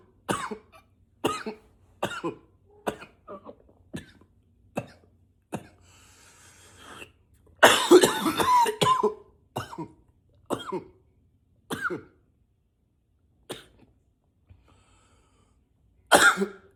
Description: coughing a lot, sometimes i try to cough with a deeper voice